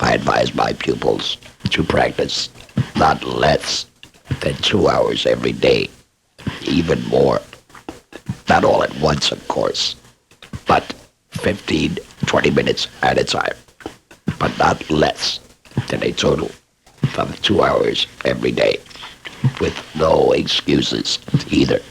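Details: Adult male laryngectomee speaking; esophageal speech after laryngectomy.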